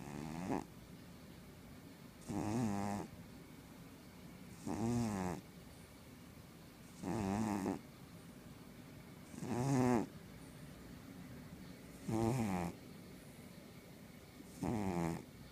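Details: Sleeping pet cat: regular buzzing snores on each breath, about 25 a minute, with quiet pauses between: snoring.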